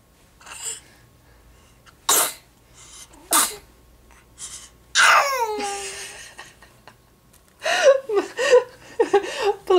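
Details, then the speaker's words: Nate's sister sneezing and yelling: two sharp explosive bursts with a quick intake before them, consistent with sneezes, then a drawn-out vocal sound and brief laughter-like noises; sneezing. "there goes your sister sneezing and yelling I love that you taught her how to do that"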